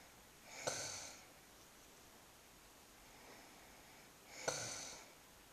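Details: Adult woman asleep: two soft, hissing snorting breaths about four seconds apart with quiet room noise; light snoring in sleep.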